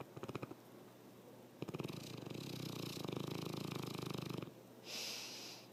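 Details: Loud snoring: rattling snore on the in-breath, a softer snort before it and a breathy out-breath after.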